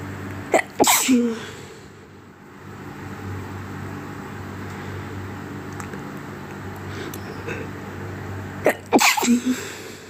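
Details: Two bursts of repeated sneezes during an illness separated by a quiet stretch with steady room hum; sneezing fit.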